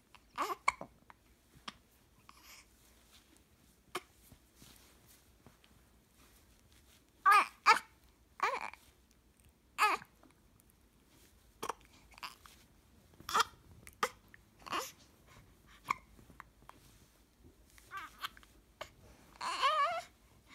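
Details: Baby girl with hiccups: repeated short, sharp hiccup sounds between soft babbling and fussing noises.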